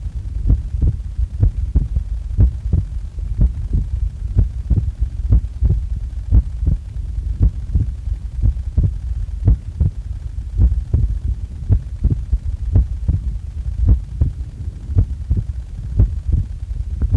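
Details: Own heart sounds recorded just after waking up: steady, regular lub-dub heartbeat at about 65 a minute with a low background hum; normal heart sounds.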